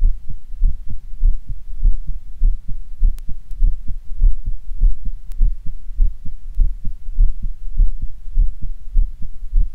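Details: Stereo recording with two stethoscope heads, mitral area on the right channel and Erb's point on the left: regular low paired thumps at about 100 per minute, faint handling clicks; normal heart sounds.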